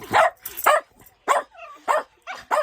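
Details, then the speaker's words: A dog taught to sneeze when begging gives about five short, sharp sneezes in quick succession with a brief whine between: learned begging sneezes. "I taught them to sneeze for begging. They never do it on command, but they know how to sneeze."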